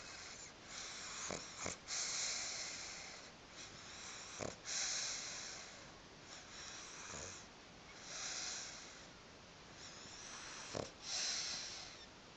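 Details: Pug snoring: repeated hissy, whistling breaths with soft snorts, about 14 a minute, typical of a small flat-faced dog.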